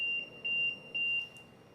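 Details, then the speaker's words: High-pitched electronic alarm beeps in short repeated bursts from an LTV1200 ventilator during a settings change while setting up noninvasive BiPAP; a ventilator alarm. "I'm gonna switch this back just so it doesn't alarm"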